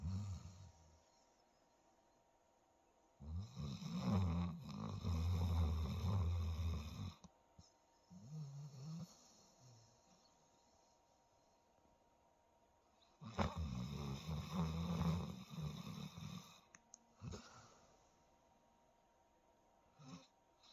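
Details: A sleeping dog taking a daytime nap snores in long, rumbling breaths with quiet pauses between them.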